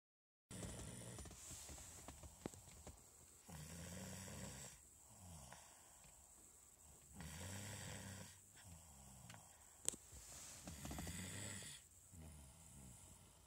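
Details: Tuckered-out sleeping female snoring: slow, low, rumbling snores with each breath, about 17 a minute, over a steady background hiss. Snoring.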